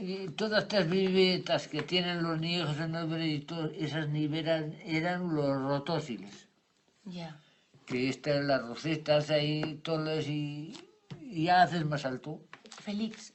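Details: Man with Wernicke's aphasia after an ischemic stroke linked to an operation; impaired comprehension, invents words when he cannot find the right ones, fluent jargon only he understands. Finding: Wernicke's aphasia.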